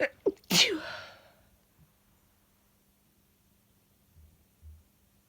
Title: Sneezes in 1 Minute